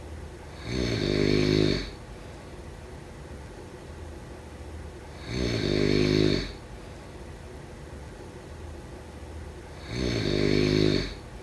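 Three loud, rattling snores on breathing in, about 13 breaths a minute, with quiet pauses between: steady snoring during sleep.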